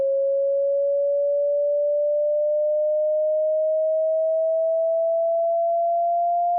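A steady pure whistle-like tone, slowly rising in pitch; a test tone for hearing checks or matching tinnitus pitch.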